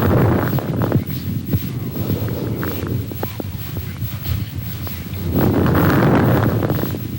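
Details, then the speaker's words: Brief, scattered crackling clicks over rushing breath sounds: fine crackles, late in the breath cycle, unchanged by coughing, varying with patient position, mainly at the lung bases; seen in pneumonia and pulmonary congestion. "os estertores finos são claros no final da expiração não se alteram com a tosse modificam-se ou desaparecem dependendo da posição do paciente e predominam nas bases dos pulmões"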